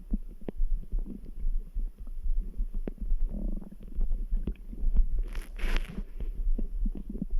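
Gurgling, rumbling stomach noises over a faint steady heartbeat thudding in the background.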